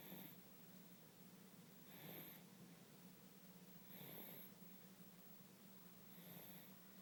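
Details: Soft regular snoring breaths, about 30 a minute, each with a faint snuffly rattle, over background hum, from a sleeping male baby tired after his 6-month immunization; snoring.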